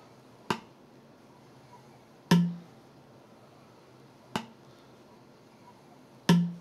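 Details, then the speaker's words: Calibration syringe strokes testing a spirometer at a medium flow rhythm, after high flows, checking it measures exactly the same 3 L at low, medium and fast flows; four sharp knocks about two seconds apart in a quiet room. "a un ritmo un ritmo muy lento que nos va a permitir evaluar si mide Exactamente lo mismo a flujos bajos medios y Rápidos"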